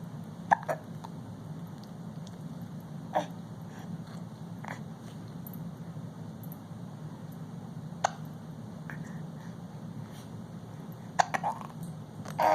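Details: Infant almost 5 months old sitting in a Bumbo seat: brief, soft, sharp hiccup sounds repeating at irregular intervals over a steady background hum: hiccups.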